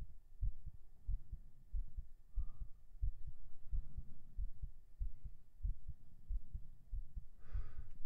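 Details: Binaural recording on day 18 of strength training, right after 37 push-ups: steady, regular, low thumping heartbeat at about 90 a minute over faint room noise, breath near end; normal heartbeat after exercise.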